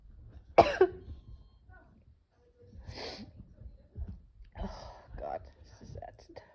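A single sharp cough, then softer throat noises and sniffling sounds in a quiet room.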